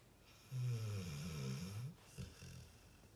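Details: Sleeping pitbull dog: one low, fluttering snore lasting over a second, then a short, softer snort as the breath turns: snoring.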